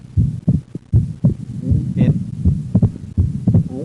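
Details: Split second heart sound in right bundle branch block, recorded while the patient breathes in and out.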